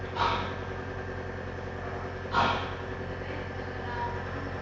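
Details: Baby receiving nebulizer treatment (NaCl) for cough from cold: steady low mechanical hum of nebulizer compressor running, with two brief breathy puffs over it.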